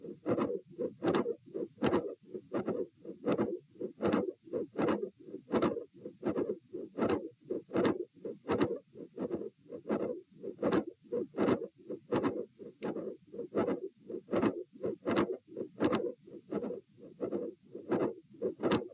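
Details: Auscultation stress test at chest position A, recorded sitting: heart sounds with a mid-systolic click and a split second heart sound.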